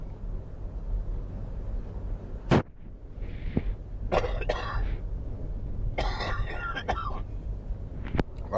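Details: Adult with a cold coughing while travelling in a car on a driving tour, recorded on a microphone; cough.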